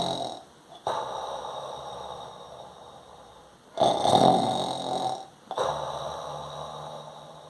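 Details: Imitated snoring by a person, not real sleep: long, rough, rattling nasal breaths in slow repeating cycles.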